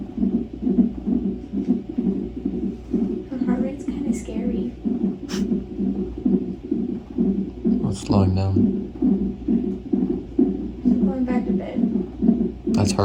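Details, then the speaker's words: Fetal heartbeat on the monitor during a stress test at 41 weeks of pregnancy (polyhydramnios tagged): rapid, rhythmic whooshing pulses at about 130 a minute, with brief talk over them. "heart rate that's her what is on your belly it's where her heart is"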